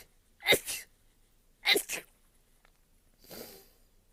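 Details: Compilation of a woman's rapid sneezes: two quick sharp sneezes followed by a breathy exhale; ordinary sneezing.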